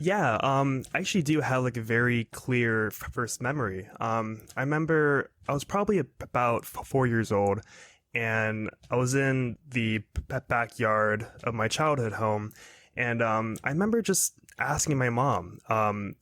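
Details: 22-year-old man who has stuttered his whole life and also has Tourette's syndrome, speaking in a podcast interview; stuttering.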